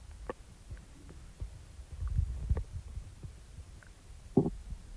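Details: Irregular low rumbling with a louder gurgling growl near the end; ordinary stomach rumbling (borborygmi) after eating.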